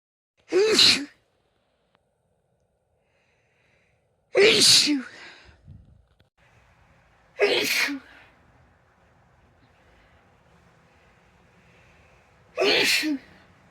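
Four separate loud sneezes, each a sharp voiced burst with quiet gaps between, then faint breathing; ordinary sneezing.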